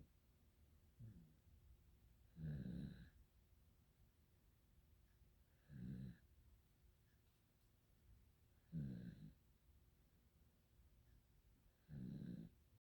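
Four soft, low snoring breaths at roughly 19 a minute, each a short rumbling buzz separated by quiet pauses; ordinary snoring.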